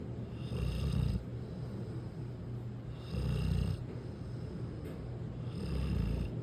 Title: So Relaxed! #americanbully #gronk #puppy #dog #vegas #dogmom #puppylove #snoring #sweetboy